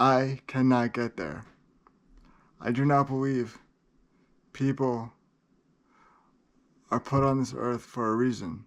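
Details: Adult man with cerebral palsy who describes great limitations; dysarthric speech in cerebral palsy.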